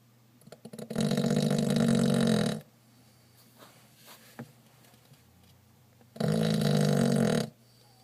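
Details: Pug snoring: two long, loud, rattling snores, each lasting over a second, separated by quiet breathing.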